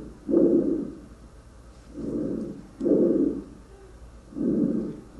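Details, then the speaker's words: Normal tracheal breath sounds from an adult auscultation training mannequin, with the stethoscope placed at the trachea and played through a speaker: loud, hollow, harsh breathing; simulated. "that you can hear the tracheal sounds uh through the speaker and of course you'll be able to hear them through the stethoscope as well."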